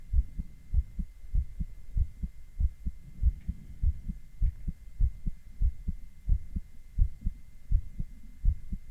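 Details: Adult male heart heard with ECG monitoring: regular paired heart thumps at about 95 beats a minute, with a faint steady hum behind.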